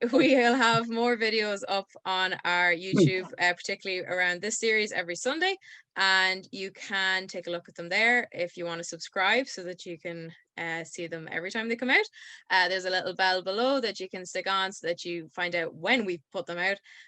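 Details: Adult woman speaking; Normal speech.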